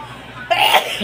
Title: Feather 🪶 Induced Sneezing.